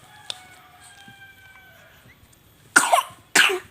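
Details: Two short, wet-sounding coughs from a 5-month-old baby, with a rooster crowing in the background.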